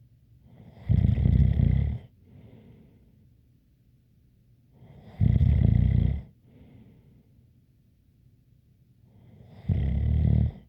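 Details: Rough, rattling snores on each breath in, about every four to five seconds, with a faint light whistle and soft breath out between.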